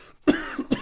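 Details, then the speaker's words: Adult still recovering from a viral illness, voice affected and short on sleep, gives two short, harsh cough bursts: a lingering cough. "I'm still getting over this virus you can hear it my voice coughing a lot"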